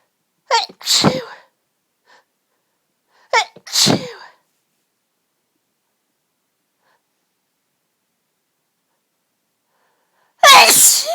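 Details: Very violent, strong sneezes in a fairly rapid fit that had been going on for about ten minutes, with big build-ups: three forceful sneezes, each with a sharp intake, a few seconds apart.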